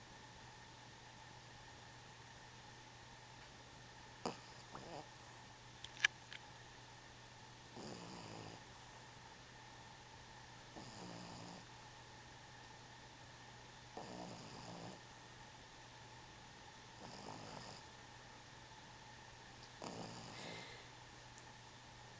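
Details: Sleeping 12-week-old on his back, running in his dreams: soft rhythmic snores about every three seconds, roughly 20 breaths a minute, in a quiet room; ordinary snoring.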